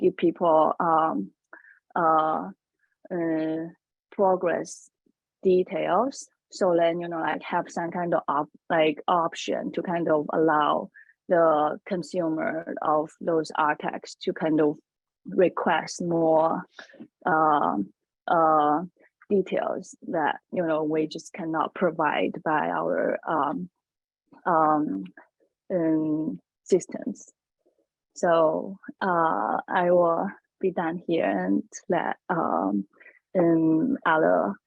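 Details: Woman who says she has a stutter; stuttering.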